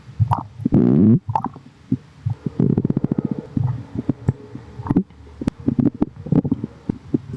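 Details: Gurgling, bubbling stomach sounds with a loud rumbling growl from the tummy straight after drinking: stomach growling bowel sounds.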